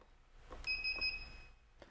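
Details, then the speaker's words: Three short electronic beeps from an A-dec 532A dental delivery system touchpad confirming a chair position preset was saved after pressing the programming button; device confirmation beeps. "The 3 beeps indicate that the setting has been successfully saved."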